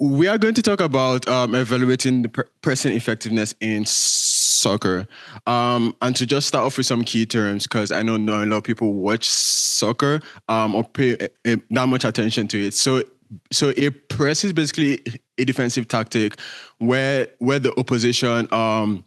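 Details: Real stuttering in a male presenter giving a conference talk, who says his speech impediment shows as repetitions, prolongations or blockages and that listeners will hear much of it; stuttering.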